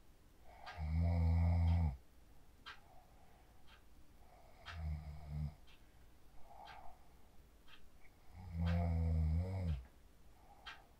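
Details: Snoring from a person sleeping after practicing the 4-7-8 breathing technique, recorded on a phone: deep vibrating snores about every 3.5 seconds (around 17 a minute), with soft breathing between and faint room noise.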